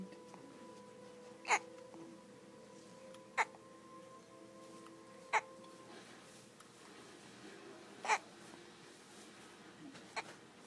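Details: Hiccups: five brief, sharp hiccups about every two seconds, roughly 28 a minute, over quiet background music.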